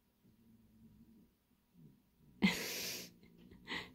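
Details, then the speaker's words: Sleeping female pet snoring: soft, low rumbling breaths, then a sharp snort-like burst of air. "i have a blanket on my lap because it's cold and well look it can you hear her she's snoring"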